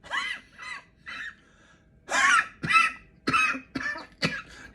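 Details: Acted, deliberate comedic coughing from a skit about having an ordinary cold during COVID: about eight short, sharp, throaty coughs and throat clearings in irregular succession.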